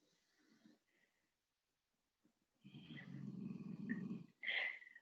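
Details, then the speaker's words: Two sleeping dogs snoring gently nearby: a long rattling in-breath followed by a shorter snorting burst. "don't know if you guys can hear the gentle snores of ollie and bruiser over here but it's so loud in my ear"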